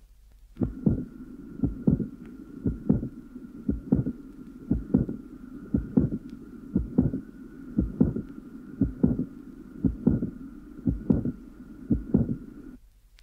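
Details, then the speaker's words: Loud, late, somewhat lower-pitched systolic click immediately followed by a soft late systolic murmur filling the interval to the second sound, probably extracardiac in origin; recorded at the lower sternal edge. "an example will now be played of a loud late somewhat lower pitch stolic click immediately followed by a soft murmur which is probably also extra cardiac in origin the mamama occupies the interval between the click and the second heart sound"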